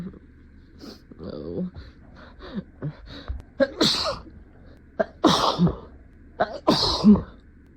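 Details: Deliberately induced sneezes in a comedy sketch about denying a cat allergy after bringing home a new cat: a run of short breath catches building to several sharp, forceful sneezes.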